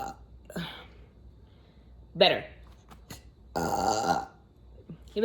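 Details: Burping: a series of voiced burps, short and long, in a quiet room, afterwards saying they feel much better; ordinary belching; burping.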